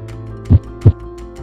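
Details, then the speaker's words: Two clear low thumps, lub then dub, over a steady hum; a normal heartbeat with no murmur between them, played as a contrast to aortic stenosis. "your doctor can actually hear the difference between a normal heartbeat"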